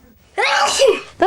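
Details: A single sudden, forceful sneeze lasting under a second after a quiet pause, from a child with asthma and allergies; a sneeze from allergic rhinitis.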